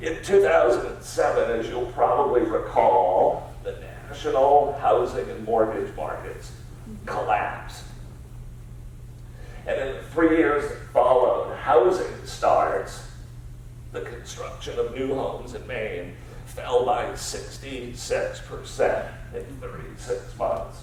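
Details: Adult man with spasmodic dysphonia diagnosed about seven years earlier, a rare neurological disorder affecting only speech with no known cause or cure; treated with periodic Botox injections; voice use not consistent or comfortable; spasmodic dysphonia.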